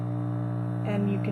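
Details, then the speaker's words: Steady low hum with a brief tone change near the end as the air compressor kicks on, MVP-10 transport ventilator on a NICU external transport isolette, in CPAP mode; normal operation. "hear that our air compressor just kicked on and right now it's in CPAP mode"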